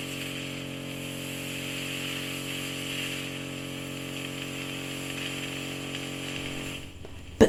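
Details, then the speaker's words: Ear microsuction in one ear of a bedbound woman in her 90s whose ears were completely blocked. The ear was oiled and treated with eardrops, leaving soft, gloopy wax and thick white keratin. A steady loud hissing roar with a brief pitch change as material shifts. "Now that was a beautiful backwards peel. The oil has brought that incredibly thin layer right to the surface and allowed it to be suctioned up so easily."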